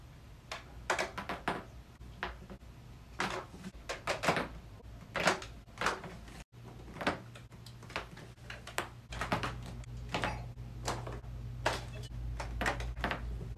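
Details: Series of sharp popping and cracking clicks in clusters with room noise and low hum: joint cavitation from back cracking during spinal manipulation.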